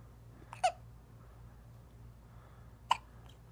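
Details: Two-and-a-half-week-old baby with hiccups: two brief, sharp infant hiccup sounds about two seconds apart over quiet room hum.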